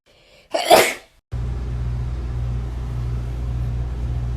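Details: One loud, sharp sneeze burst, then steady low background hum; sneeze.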